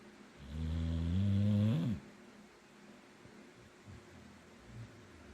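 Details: A single loud, droning snore from a sleeping rescue Boxer dog at naptime, lasting about a second and a half and rising in pitch at the end, followed by quiet breathing.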